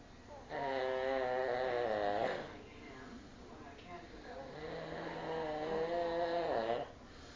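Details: Person snoring: two long, loud, rattling snores on the in-breath, separated by a quieter pause.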